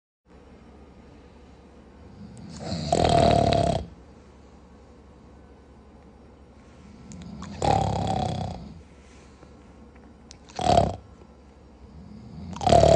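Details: Person sleeping at night, snoring heavily: loud, harsh snores every few seconds with deep rattling on the in-breath, in a quiet room.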